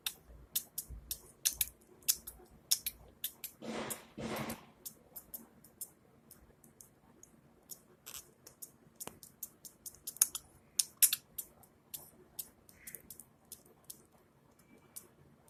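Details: A female budgie making strange noises: rapid, irregular sharp clicks and two brief wet bursts. This is regurgitation (vomiting) that sounds similar to a sneezing fit.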